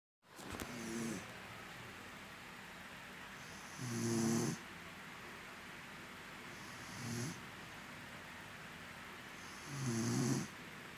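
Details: An exhausted young woman snoring in her sleep: four soft, rhythmic, low rumbling snores about every three seconds over steady room hiss.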